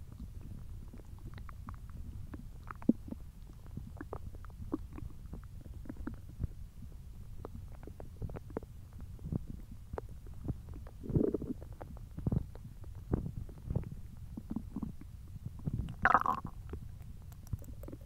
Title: Hungry Belly Noises